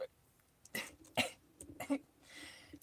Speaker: oh my God I have the headphones on and um I can hear how loud it up is to cough in the microphone oh that is so terrible